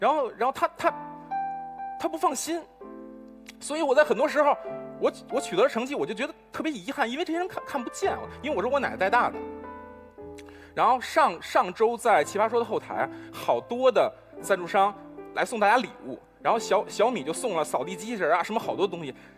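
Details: Male Chinese debate-show contestant for whom stuttering treatment was recommended, repeating a word several times; stuttering.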